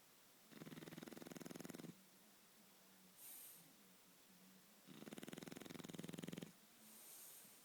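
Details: Snoring from a Shar Pei dog.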